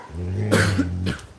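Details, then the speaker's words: Adult's deep, groaning, voiced painful cough with two harsh bursts while sick and recovering; she describes a painful "walrus sound", different from her ordinary cough. "Oh, that hurts. I don't know if you guys can hear that one. It's like a walrus sound. It hurts so bad. It's different than a cough."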